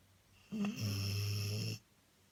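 A single low, droning, buzzy snore lasting about a second, in a quiet room.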